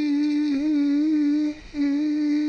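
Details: Abductory spasm pulling the vocal cords apart, dropping the voice to a whisper: abductor spasmodic dysphonia.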